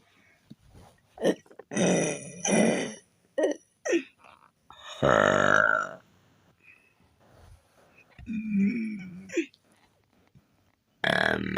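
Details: Person burping on command: a series of deliberate belches, some short and some long and drawn out; voluntary burping.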